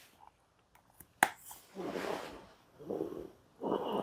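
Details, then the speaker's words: Adult with severe sleep apnea and snoring being fitted with a nasal CPAP mask during pressure titration in a sleep study: a few clicks, then three soft rushing bursts of airflow; patient told to keep mouth closed. "코에 양기 연결하면 바람이 자동으로 바로 들어올 거예요."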